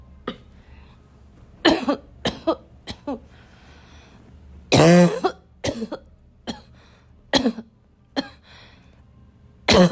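Bouts of loud, harsh, barking coughs with throat clearing between them, about a dozen bursts over ten seconds.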